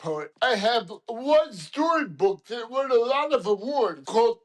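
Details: Adult man with dysarthria caused by lithium toxicity; he could not walk for about three weeks and his left hand remains paralyzed; dysarthria.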